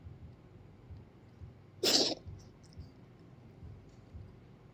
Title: Reverse sneezing or kitty coughs?